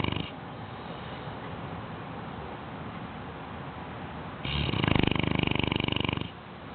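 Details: Sleeping 6-month-old Bloodhound puppy snoring: after a quiet stretch, one long, fluttering, rattly snore on a breath, with a brief snore fragment at the very start.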